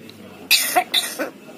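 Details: Black-headed lory (parrot) imitating an old person's cough: two short, harsh, hissy bursts in quick succession.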